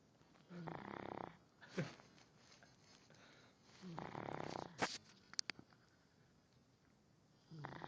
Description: My dog is sleepy, and when hes sleepy he snores...Loud